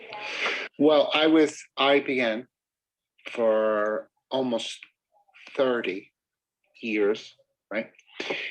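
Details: Real mild aphasia in a man whose non-fluent, halting, choppy speech remains followable, with word-finding difficulty and circumlocution; finding: mild aphasia.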